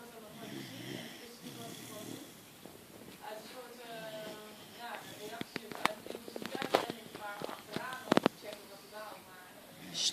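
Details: Little puppy snoring while asleep in the owner's arms: soft, rough snoring breaths with small snorts and squeaky nasal sounds.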